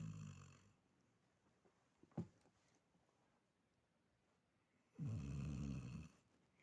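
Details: Older female dog in deep sleep, with incurable pemphigus foliaceus and a carcinosarcoma that was removed, snoring: two low, rumbling snores about four seconds apart, with a faint click between them.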